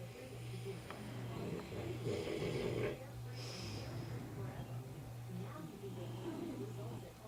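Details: Sleeper whose loud snoring keeps them in a separate room: steady low rumbling breath noise with soft snorts.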